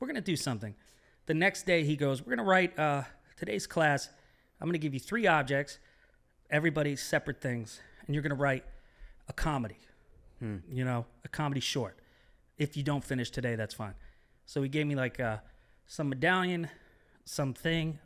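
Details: Adult man speaking; typical speech.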